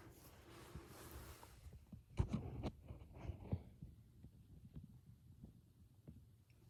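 Stethoscope rubbing, then soft low heart thumps in a regular beat over the tricuspid area; normal heart sounds.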